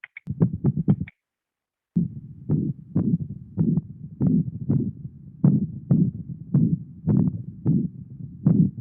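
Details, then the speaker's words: Veterinary patient with atrioventricular valve insufficiency: rhythmic low heart sounds with a whooshing noise filling each beat; systolic regurgitant murmur. "vemos que estos dos eran socios históricos regurgita activos en pacientes que tenían insuficiencias de válvulas patri ventriculares y a pesar de que tenían la misma patología el soplo no se escucha igual"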